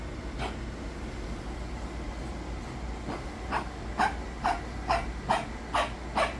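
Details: Coughing in a patient with fluid in the lungs: a cough with pulmonary fluid.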